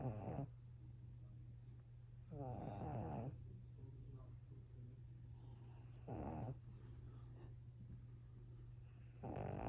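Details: Rhythmic rattling snorts about every three seconds, roughly 20 breaths a minute, over a low room hum: loud snoring in a pug puppy sleeping soundly after an active play session.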